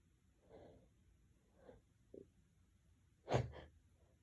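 A few hitching breaths build up, then one loud sneeze with a smaller follow-on burst; a sneeze after a build-up.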